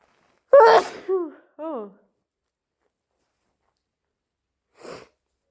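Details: Person with a cold, still stuffy with an itchy nose: a loud, wet sneeze with a voiced cry, then two short vocal sounds and a later sniff.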